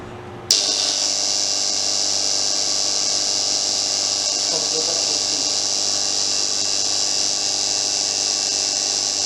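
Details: Bangladeshi hospital suction machine switched on after motor and piston inspection: motor starts abruptly and runs with a steady high hiss and whine, running normally.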